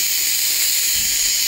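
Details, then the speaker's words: Nebulizer running on an oxygen line at 6 L/min to give albuterol through a pediatric nebulizer: a steady, loud hiss of gas flow with no breaks as the nebulizer mists. "then what we're going to do is plug it into our oxygen line or oxygen tank and hours calls for 6 l a minute and you'll see it misting like that and that's what you want"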